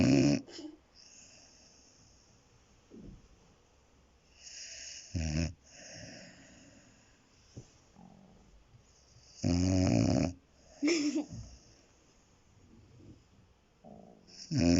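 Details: Dog snoring in deep sleep: loud, irregular snoring snorts with quiet stretches between, background music at times.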